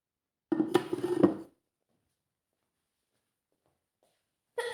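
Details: Acted female dust-allergy sneezing scenario (a maid cleaning a dusty hotel room): one loud, forceful sneeze with a voiced build-up, then silence and the start of another.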